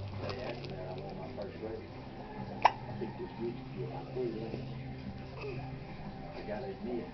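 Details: Child (daughter) hamming in front of the camera with hiccups: a single sharp, abrupt hiccup over background talk and faint music.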